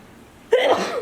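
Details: Girl sneezing during a COVID-19 nasal swab test: a quiet pause, then one abrupt voiced burst of air through the nose and mouth, a single sneeze.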